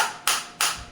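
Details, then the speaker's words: Biotronix focused (not radial) shockwave therapy device, up to 7 cm depth, firing on the operator's hand after water loading; sharp hissing clicks about three per second. "देखो बिल्कुल focus shock wave आ रही है 5 उसकी मेरे हाथ में, मेरे को फील हो रही है।"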